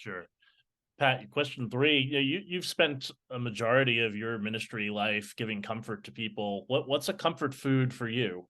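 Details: Adult speaker; normal speech.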